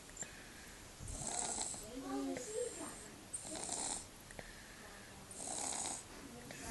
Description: Lil man had a cold, snuffle snoring - bless